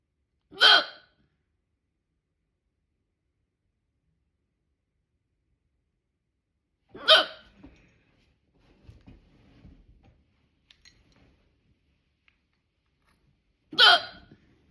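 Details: Three loud, abrupt voiced hiccups about seven seconds apart, separated by quiet, from a persistent bout of loud hiccups that would not stop despite holding the breath.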